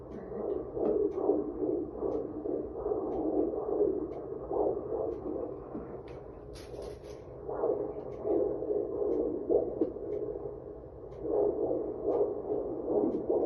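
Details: Fetal heartbeat on Doppler ultrasound at 18 weeks pregnant, birth centre visit: rapid whooshing pulses, roughly 150 a minute, with brief fades and a click.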